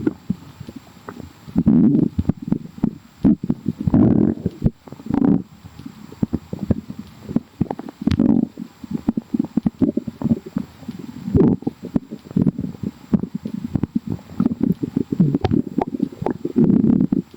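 Continuous bubbly, popping gurgles and rumbles from the stomach throughout; ordinary active bowel sounds.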